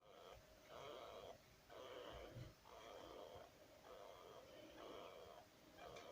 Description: 2 moths old hamster pup sleeping and snoring